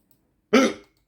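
One abrupt, short voiced hiccup after silence; a single hiccup.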